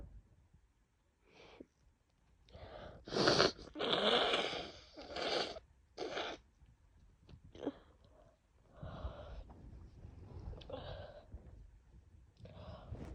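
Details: Person coming down with a bad cold and a worsening cough: several forceful, wet sneezes in a row, with sniffing and a nose blow.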